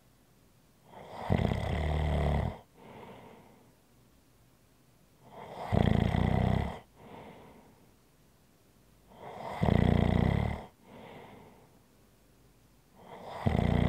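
Loud, rattling snores on each breath in, with softer breaths out, about 15 breaths a minute; steady snoring.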